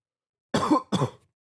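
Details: Two short, rough cough bursts from an adult with a cold, recorded while unwell; cough.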